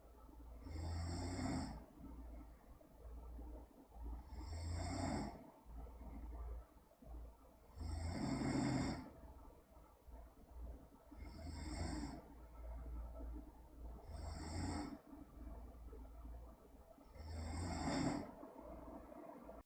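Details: Person snoring: six rasping snores at about 17 breaths a minute, with a low, rattling quality on each breath.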